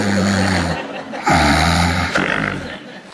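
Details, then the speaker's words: Comedy sketch with acted, simulated snoring by a girl told princesses don't snore: two loud, low, rattling snores separated by a brief pause, with steady buzzy vibration through each breath in. "ну что началось ты храпишь принцессы не храпят"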